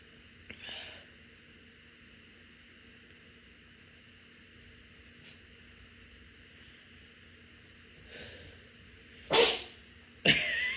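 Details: Morning allergy sneezing after taking the dogs out, with watering eyes: a faint sneeze early, then two sharp sneezes at the end over steady room hum.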